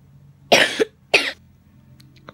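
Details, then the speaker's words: Person apologising for currently having a cough: two short, harsh coughs in a quiet room, the first with a brief second burst. "Halo guys, hari ini aduh maaf gue, aku lagi batuk nih."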